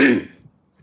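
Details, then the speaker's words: Cough from an adult with a cold during a live talk: a single short, harsh cough or throat-clearing burst that fades quickly. "Sorry about my voice. I have cold and cough."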